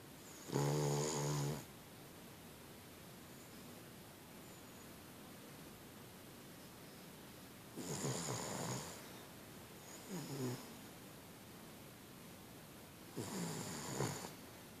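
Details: Boston Terrier dog sleeping soundly on a bed: three rough, rattling snores spaced several seconds apart in a quiet room; snoring during sleep.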